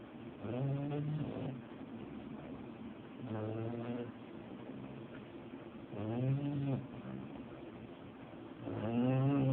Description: Pepper snoring - even through the text message notification where she opens her eyes!